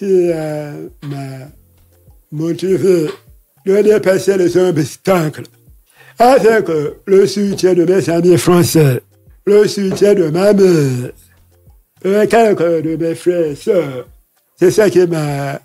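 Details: Man deaf since childhood after an illness and hospital visits, lip-reads; he says his voice has not sounded normal since a throat operation as a child in paediatrics; real French speech; deaf speech.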